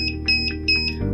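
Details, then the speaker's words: Repeating two-tone electronic beeps from a Medela Thopaz+ digital chest drainage and monitoring unit, its acoustic notification, which can be silenced for 60 seconds; chest drainage system alarm. "The Topaz Plus provides both acoustic and visual notifications."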